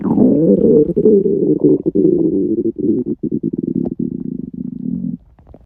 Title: 48 hour fast stomach rumbles